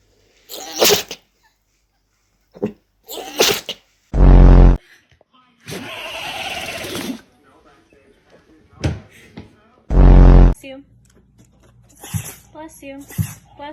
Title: Dogs sneezing like crazy 😂 #dog #funnydog #dogvideos #funnydogvideos #fyp